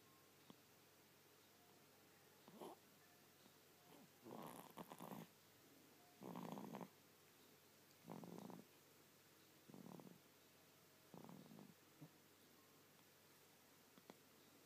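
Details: Snoring during sleep: repeated short, rough snorts roughly every one to two seconds over quiet room noise.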